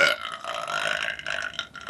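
One long, drawn-out belch with a rough, gurgling tone. A voluntary burp made as part of a burping contest.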